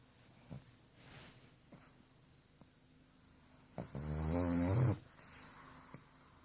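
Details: Pug (small flat-faced dog) asleep in a quiet room: a single loud, low, rattling snore-snort lasting about a second, with faint snuffles and clicks; snoring.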